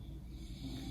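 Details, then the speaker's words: Man snoring in the background of a hospital room, morning check-in around 7:30–8 a.m.; snoring. "If you can hear him snoring in the background, I've already told him to stop, but of course, he just can't."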